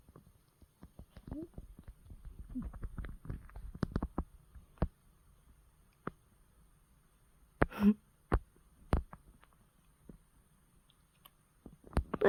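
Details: Female brown tabby cat with mild glaucoma under ongoing treatment, napping: soft irregular snorts and clicks, then a brief squeaky vocal sound. Snoring and vocalizing (sleep-talking) during sleep.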